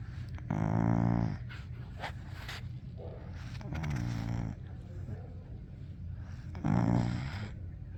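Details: Sleeping female puppy snores with three buzzing, growl-like breaths, about one every three seconds, nose wiggling; snoring.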